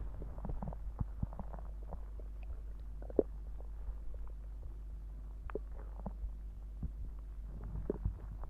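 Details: Stomach growling (borborygmi) with some heartbeats, part 1: soft, scattered gurgles and pops over a low steady hum as gas and fluid move through the gut.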